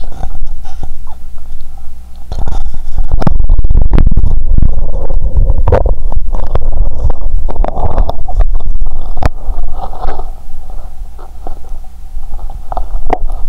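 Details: Stethoscope on the abdomen after Mentos and cola, belly full and painful, after belching: frequent low gurgles and rumbles with scraping contact noise; active bowel sounds.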